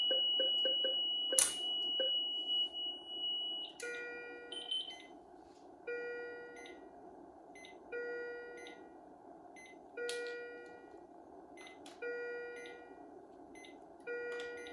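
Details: Philips IntelliVue MP30 patient monitor alarm (ISO and traditional alarm sounds) on an ECG-simulator rhythm, alongside a ZOLL E Series defibrillator: a repeating tonal beep pattern about every two seconds in a quiet room.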